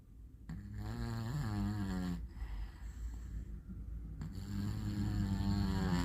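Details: Sleeping cat: two long, rough, rattling breaths with a fluttering vibration; snoring.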